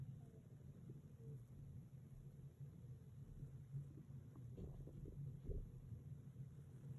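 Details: Borborygmi (stomach rumbling).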